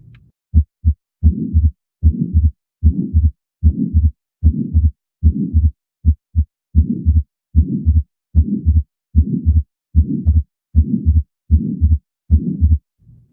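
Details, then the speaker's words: Atrial septal defect at about 75 beats a minute: a soft whooshing systolic murmur with fixed splitting of S2, since the aortic valve always closes before the pulmonic valve regardless of breathing. "this would create a fixed splitting of s2 because the aortic valve always closes before the pulmonic valve in these ASD patients regardless of whether the patient is breathing in the systolic murmur"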